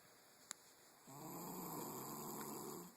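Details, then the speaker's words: Snoring from a sleeping son: a sustained, rough, low-pitched rattling breath sound after a quiet moment, faint room hiss underneath. "Daddy what is that I hear I think that's snoring I'm not quite sure I don't know where it's coming from"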